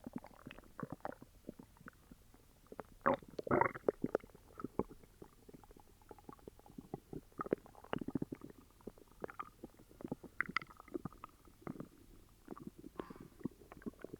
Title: Upset stomach growls🤕